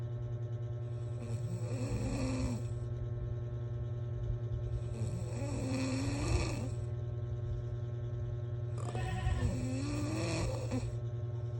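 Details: Person fallen asleep while the recorder went to heat water for coffee: three slow, rasping snores about every four seconds over a steady humming fan-like background; snoring.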